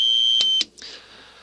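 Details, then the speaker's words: Simulated cricket-type tinnitus made of two tones played together, in the 2,000–4,000 Hz range: steady high-pitched electronic tone with brief pulses, cut off after about half a second. "Here they are together as a cricket sound. Crickets are usually found from anywhere from 2,000 hertz to about 4,000 hertz."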